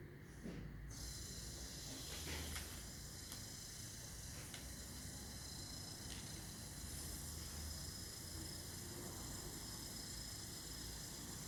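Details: Corpuls defibrillator in manual mode during defib training: a steady soft mechanical whir and hiss with faint clicks as the monitor's printer prints an ECG strip.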